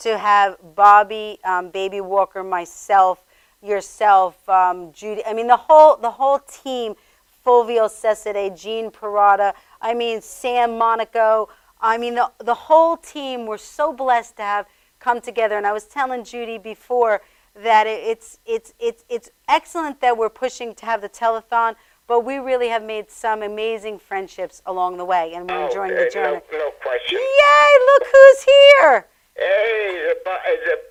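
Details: Adult man with acquired stammering after a severe concussion from tripping on a walk, compounded by other injuries; he says it was much worse several days earlier and is improving; acquired stammering.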